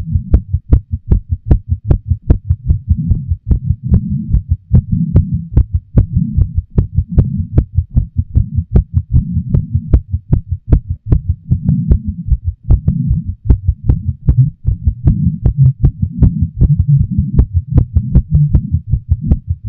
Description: Had a pretty intense orgasm with at least one skip in there, my heart thundering in my chest the entire 10 minutes.